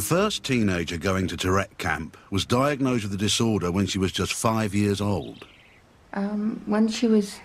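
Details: Adult male narrator; normal fluent speech.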